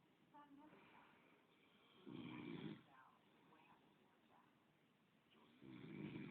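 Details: Adult man snoring in sleep while his girlfriend quietly comments: two low, rough snoring breaths about four seconds apart, with her voice between them.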